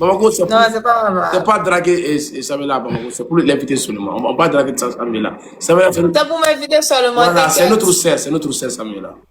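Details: Adult speaker; Normal speech.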